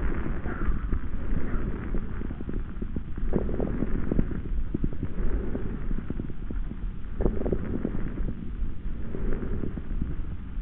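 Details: Coarse crackles: low-pitched breath sounds with scattered bubbling pops through the breath cycles, as judged by at least 8 of 10 respiratory specialists.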